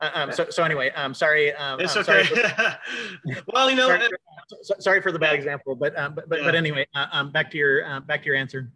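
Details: Adult man who says he has cluttering, speaking in conversation with fast speech, repetitions and fillers; cluttering.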